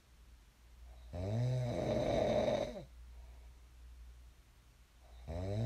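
Two deep, rattling snores on the in-breath with a quiet pause between them: ordinary snoring during sleep.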